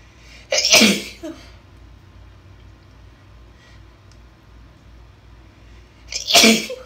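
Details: Two forceful, deliberately induced sneezes several seconds apart from a woman with a cold, with a quiet stretch between them.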